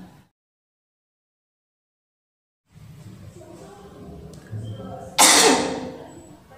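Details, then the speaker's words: Nursing-student demonstration of effective cough technique: breath drawn in and held a few seconds, then a single strong, forceful deliberate cough bursts out. "kemudian yang ketiga adalah batuk efektif dilakukan dengan cara menarik nafas kemudian menelannya selama beberapa detik dan kemudian dibatukkan atau"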